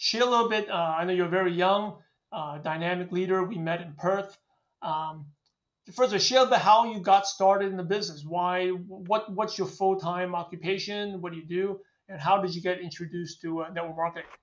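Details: Adult male speaker; normal voice.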